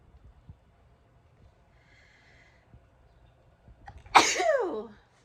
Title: How to sneeze nonstop! (Part 13)